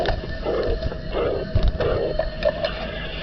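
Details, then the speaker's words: Aortic regurgitation murmur: heart sounds each followed by a soft blowing diastolic murmur that fades through diastole, from backward flow across the aortic-left ventricular pressure gradient. "turbulent flow here is occurring during diastole, when there is a pressure gradient between the aorta in green and the left ventricle in blue."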